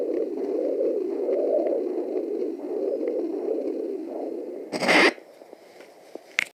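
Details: Fetal Doppler, uncertain whether placental sound: low, rushing whoosh swelling in soft pulses, likely placental blood flow.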